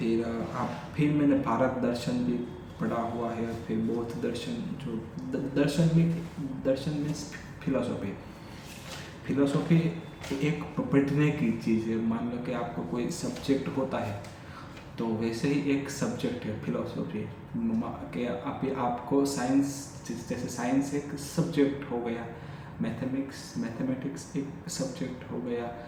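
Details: Adult male with stuttering since childhood, speaking spontaneously in Hindi during day 45 of daily stammering practice; repetitions of words and phrases; stuttering.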